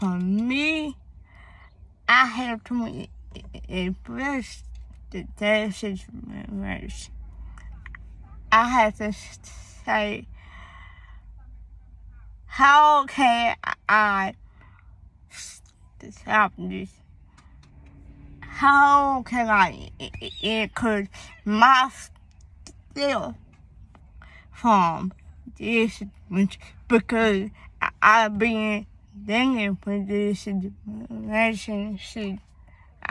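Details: Young female with a speech impediment that began around third grade, with a hearing problem (deafness); she was born premature, had school speech therapy, and doctors found no cause.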